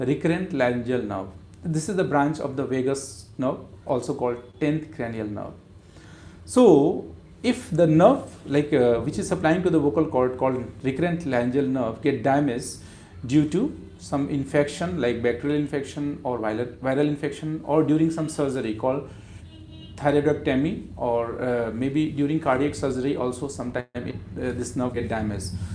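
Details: Adult man speaking; normal speech.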